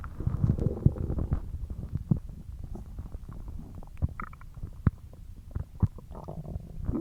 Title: Stomach Growling